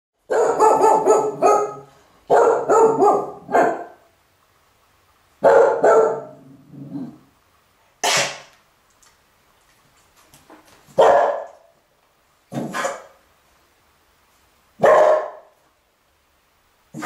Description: Penny does her job barking at passers-by but is hampered by her kennel cough